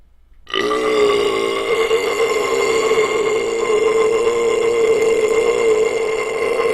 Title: CLASSIC LONG BELCH VIDEO BURPING LIKE A BOSS SINCE 2010